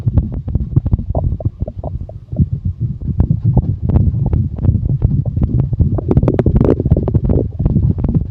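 Frequent irregular gurgling and rumbling from the belly; ordinary stomach growling, normal bowel sounds.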